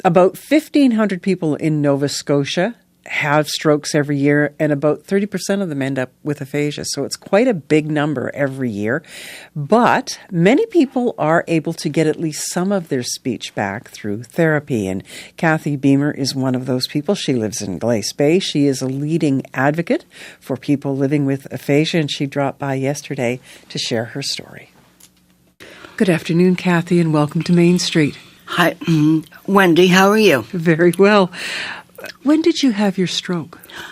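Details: Adult woman, radio host; typical speech.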